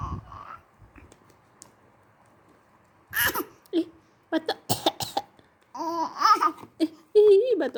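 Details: A 6-month-old baby imitating an aunt's cough: short cough-like bursts mixed with voiced babbling sounds.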